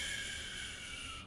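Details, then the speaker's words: Vocal imitation of the crescendo-decrescendo systolic murmur of atrial septal defect, a harsh hissing whoosh. "with the atrioceptal defect again we have to see anything that prolongs the left right ventricular ejection phase increases the murmur beyond the aortic second sound so we have a crescendo d sh"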